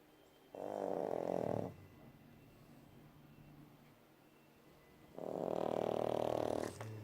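Two long, low, rattling snores on inhalation, separated by quieter breathing, with a steady slow rhythm. This is snoring.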